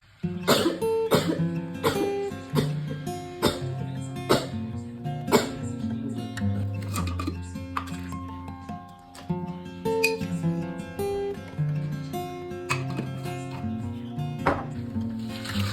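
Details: Person who says sneezing this many times is normal for them: a rapid run of about a dozen short, sharp sneeze-like bursts in fifteen seconds, over music. Repeated sneezing.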